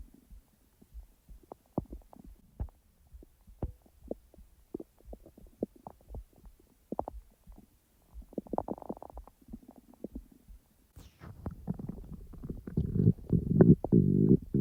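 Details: Real stomach rumbling from the abdomen, recorded when the stomach was active, not in real time: scattered clicks and pops, then a long bubbling gurgle building at the end; ordinary digestive rumbling, normal bowel sounds (borborygmi).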